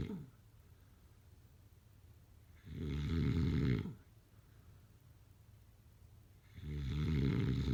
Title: #snoring #snoringasmr #snoringsleepingsoundeffect #sleepnoises